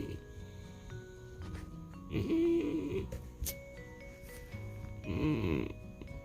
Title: Secret Closet Snores #nalathesnoringcat